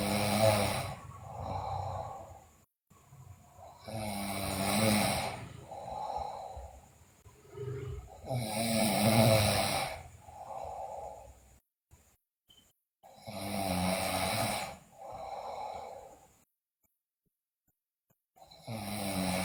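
Loud, harsh snoring on both breath in and out, about 13 breaths a minute, with irregular gaps: heavy snoring in a sleeping girl.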